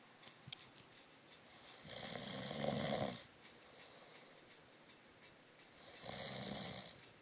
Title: snoring